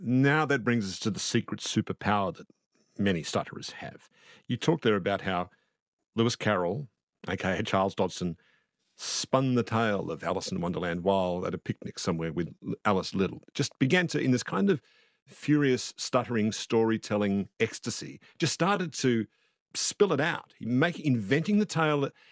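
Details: Adult man speaking; no speech disorder.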